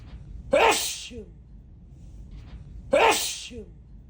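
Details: Adult man sneezing: two forceful, wet, spraying sneezes, each a sharp explosive burst followed by a short voiced tail.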